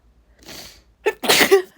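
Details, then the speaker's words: Adult deliberately inducing a sneeze by tickling inside the nose with an object: a breathy intake, then a short catch and one loud explosive sneeze right after finding the spot; induced sneezing. "Besides, once I find the spot, I have to >> [clears throat] >> sneeze right away."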